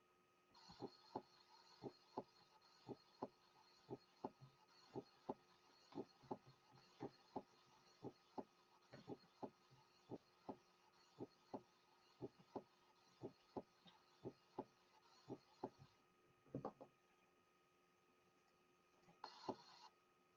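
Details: Teaching recording: steady regular heartbeat at about 60 a minute with crisp paired sounds over a faint background hum. Normally split first heart sound, a benign finding.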